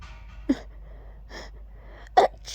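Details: Deliberately voiced "achoo" sneezes: two sharp sneezes, each with a spoken "achoo", separated by quiet breathing; ordinary sneezing.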